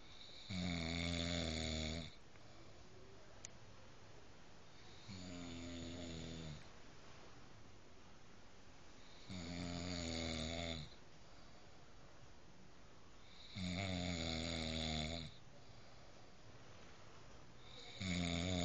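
Loud, rattling snores about every four seconds, roughly 14 a minute, with quieter breathing between them; heavy snoring.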